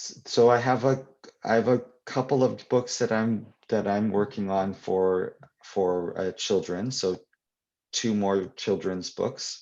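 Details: Adult man who stutters, speaking English with part-word and phrase repetitions; stuttering.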